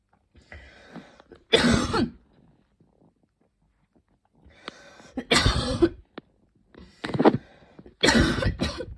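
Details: Evening coughing fit before bed, more intense than the person's usual coughs: several loud, harsh cough bursts in clusters with quieter breathing and throat noises between; person reports feeling hot and tired.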